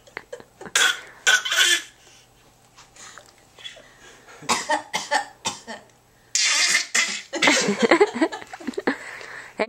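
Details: Voluntary fake cough from a young child, done for attention: short, forced coughs in repeated bursts.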